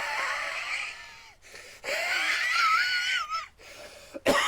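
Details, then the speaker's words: Adult with 23 years of cigarette smoking, past methamphetamine use, vaping and marijuana smoking, now improved, demonstrates his wheeze and smoker's cough: wheezy, whistling breaths ending in a brief cough. "I I have a wee and and a and a smoker's cough so it sounds like this it's"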